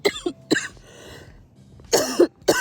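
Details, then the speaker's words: Post-menopausal woman over 50, outdoors on a walk, recently coughing up blood and told by her doctor to limit weights: several harsh coughs with throat clearing between them as she starts coughing again. "All right, I need to close this. I'm starting to cough again, so"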